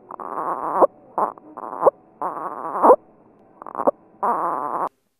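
Short voiced grunts on each breath out, about 60 a minute, marking severe respiratory distress in an infant.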